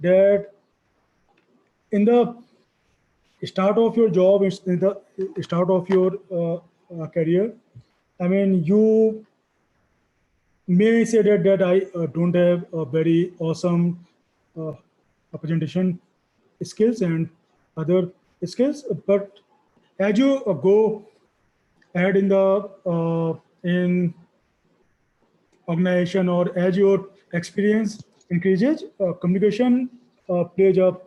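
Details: Real stammering in a male working professional who says his stammering limits expressing his knowledge at work; stuttering.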